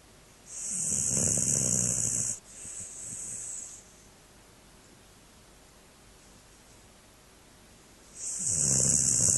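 Loud, harsh rattling snores on two long breaths, separated by quiet pauses; a dog snoring.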